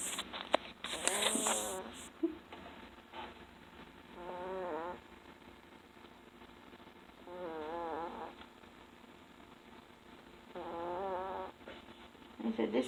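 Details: Baby snoring: soft, whistly, wavering snore on each breath, about every 3–4 seconds (roughly 17 breaths a minute), with a brief noise at the start.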